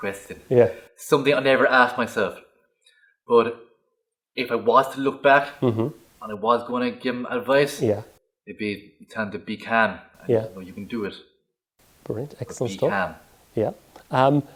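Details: Adult man who grew up with a stutter; stuttering.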